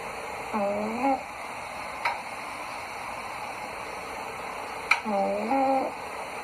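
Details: Sleeping cat snoring: two brief squeaky whistling snores over steady background hiss, harmless sleep noise.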